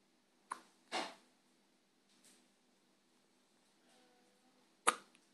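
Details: Hiccups.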